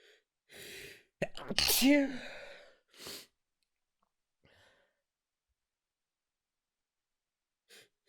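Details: Person stifling a sneeze after waking with a nasal tickle, trying not to wake others: sharp breaths in, one muffled held-back sneeze and quiet sniffs in a quiet room.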